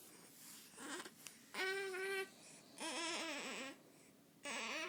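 Short, rising and falling infant cries in a quiet room. Ordinary crying.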